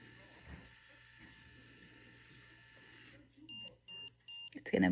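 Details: Medtronic insulin pump during set-up of a new reservoir: quiet room hum, then three short high beeps after load was held until complete, signalling reservoir loading is complete.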